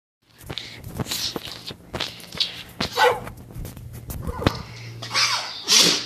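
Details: Boxer dog coughing: repeated short, harsh, hacking bursts.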